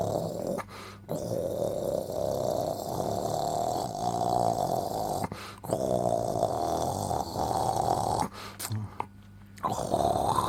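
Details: Different levels of snoring: long, rough, rattling breaths, each lasting several seconds, separated by brief quiet pauses.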